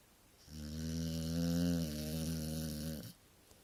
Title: snoring stafford